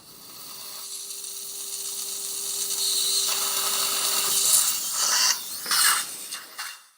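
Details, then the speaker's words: Immediate dental implant placement with bone grafting at tooth #25 in a 64-year-old mildly diabetic man on oral medication: a 2.2 twist drill cuts bone under irrigation with a rising high whine, hiss and watery spray. "2.2 Twisted drill is going to be used for drilling sinus floor is going to be slightly penetrated"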